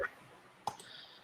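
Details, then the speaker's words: Adult's knee popping during a recording in a quiet room: a single sharp, dry pop; knee joint popping (crepitus). "That was my knee popping, or actually my Your ankle. knee popping."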